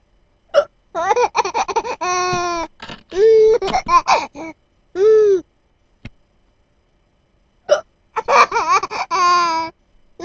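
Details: Mother's hiccups: several sharp, brief adult hiccups, each followed by bursts of hearty laughter from her amused 6-month-old baby.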